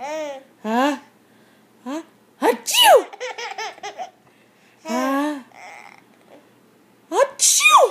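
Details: Baby sneezing several times with short sneezes, mixed with laughter and voiced sounds in a quiet room.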